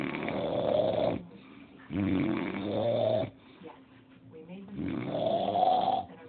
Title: Dad snoring